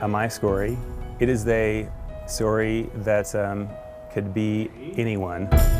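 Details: Man, a former attorney, with aphasia after a sudden cryptogenic stroke at age 41, relearning reading, writing and language comprehension and making progress; aphasia.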